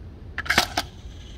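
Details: A few sharp mechanical clicks as the door of a Baxter Spectrum IQ infusion pump is released with its key and opens while loading an IV set.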